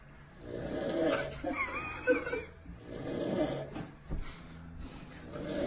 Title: When you have friends like that, and you're Snoring! Super Funny